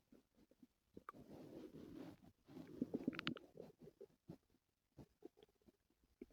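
Low gurgling, rumbling stomach growls in a quiet room; active bowel sounds.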